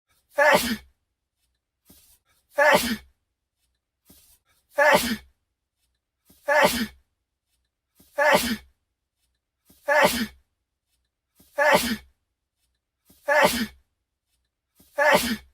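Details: The same sharp sneeze, each preceded by a quick inhale, looped eight times about every two seconds; sneeze.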